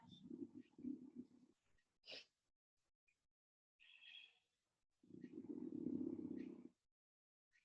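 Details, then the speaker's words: Loud snoring from a dog, heard in the background. "You can hear my dog snoring. Super loud."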